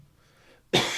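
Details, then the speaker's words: Isolated adult cough from a cough lingering for months, possibly a cold or infection: after a quiet moment, a single sudden, harsh burst. "it's one of those that's just not going away it's been months I've had this months I've had this cough and it just won't go"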